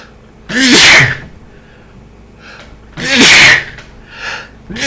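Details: Male with a massive allergic hay fever attack: two loud, sharp sneezes, each preceded by a quick in-breath, in an intense sneezing fit.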